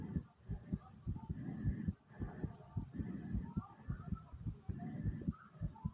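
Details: Rapid, forceful heartbeat after doing squats: deep, quick thumping beats, roughly 105 a minute, with muffled rustling.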